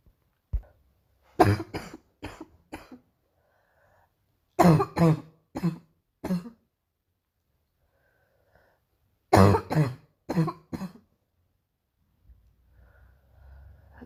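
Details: Painful morning cough: three bouts of harsh coughing, each a run of three to five coughs with quiet gaps between, in a quiet room.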